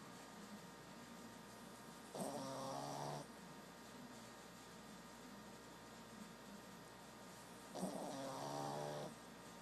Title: Snoring Brussels Griffon